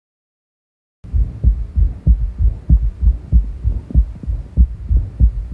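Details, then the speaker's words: Third heart sound (S3 gallop), accentuated after exertion: the patient walked down the hallway and back, then lay down again, making the S3 loud enough to be sure of. "that will accentuate the third heart sound so if you think you hear it it should be loud enough then so that you can be sure"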